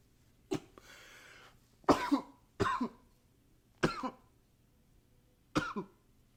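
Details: Recorded with a new high-fidelity microphone: about five separate harsh coughs, one doubled, with a brief nose-blow-like hiss near the start, in a quiet room; repeated coughing.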